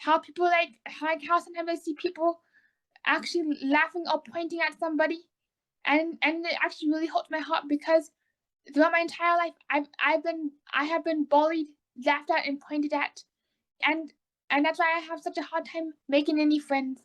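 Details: Autistic young adult woman, recently diagnosed bipolar, with oral motor apraxia, a speech disability that keeps her mind from forming words correctly and makes conversation hard: apraxia of speech.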